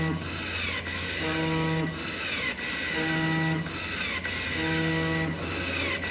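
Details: DIY non-invasive ventilator built for COVID-19 shortages, running without a mask attached; steady motor hum with rising and falling whoosh about 35 times a minute from the extension tube, which goes silent once the mask is on a patient.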